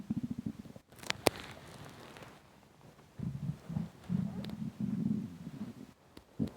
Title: Intense stomach rumbling hungry